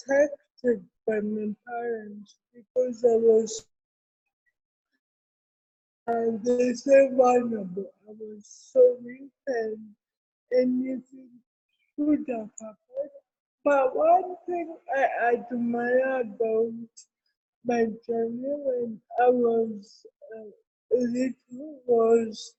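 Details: Adult woman with cerebral palsy, with dysarthria.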